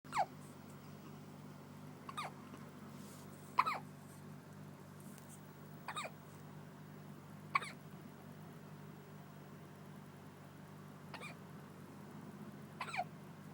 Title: Baby Hiccups